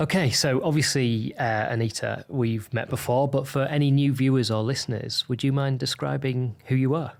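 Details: Adult male interviewer; typical speech.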